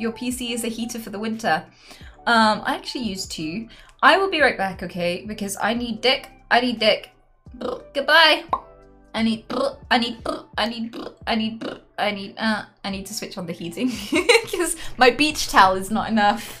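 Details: Vocal tics in a woman with Tourette syndrome during a livestream; an interjected phrase occurs mid-speech as a tic.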